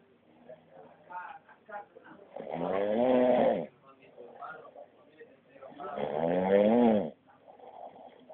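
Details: Sleeping adult man snoring: two long, vibrating snores on the in-breath, about three seconds apart, with quieter breathing between.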